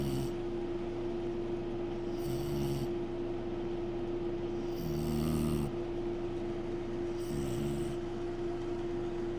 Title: snoring